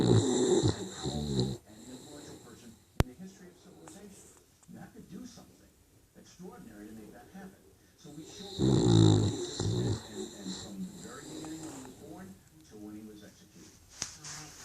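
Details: Puggle (pug–beagle cross) snoring loudly while asleep: two loud, rumbling snores on the in-breath with softer snuffling breaths between.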